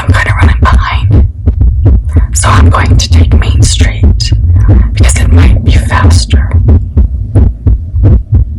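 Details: Adult female's own heartbeat recorded for ASMR while she talks about her driving anxiety: strong, deep, booming beats at about 85–90 per minute, steady rhythm with soft rustling; a normal heartbeat.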